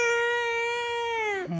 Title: Baby cry..got scared and mad of daddy sneezing